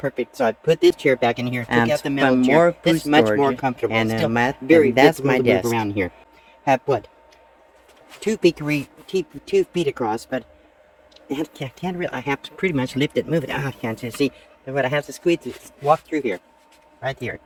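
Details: Post-stroke aphasia in a 72-year-old woman recovering from her second major stroke, which she says affected her thinking; she is talking much better, with word repetitions, restarts and word-finding errors.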